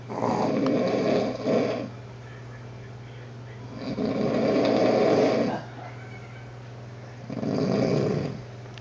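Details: Dog snoring while resting in the room on day 1 of a trip: three long, rumbling snores with quiet pauses between, about 17 breaths a minute.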